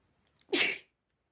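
A quick sniff, then one sharp, hissing sneeze that ends abruptly. A single sneeze.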